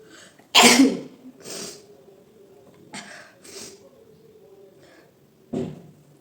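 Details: Sneeze induced with chilli flakes during a sneezing challenge: one loud, sharp sneeze, then softer breathy bursts and a second, smaller sneeze near the end.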